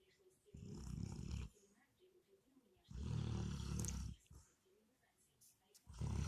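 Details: Dog snoring and twitching in its sleep: loud, rumbling snores in long bursts separated by quiet pauses, about three in six seconds.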